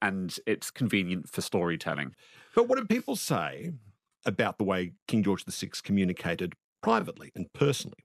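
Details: Adult male interviewer; no speech disorder.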